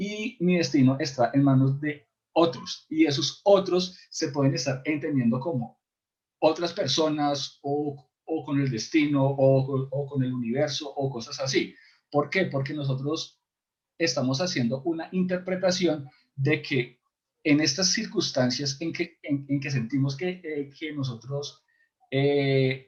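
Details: Adult man who stutters, in a support group for people who stutter; he describes complete blocks and considers it incurable but manageable with ongoing work; stuttering.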